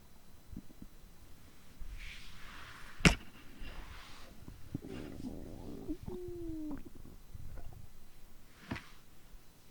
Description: I recorded the digestive sound of the day I ate too much.